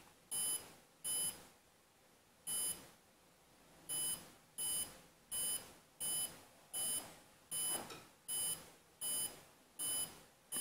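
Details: Electronic beeps at about 80 a minute, one per detected pulse, from a cheap Arduino pulse sensor with an OLED heart-trace display. The maker's fingertip is held with gentle pressure, showing the maker's usual resting heart rate of about 80.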